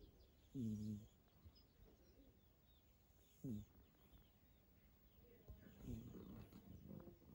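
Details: Cat snoring: three short, low, buzzing snores about every three seconds, roughly 21 breaths a minute, with faint bird chirps behind.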